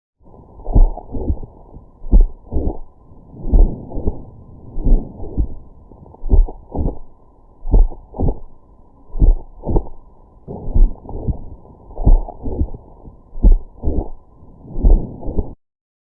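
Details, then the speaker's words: Auscultation example of mitral valve prolapse: regular heart sounds with an extra sharp systolic click. "With oscultation, you will hear a systolic click. You can hear an example in this audio clip."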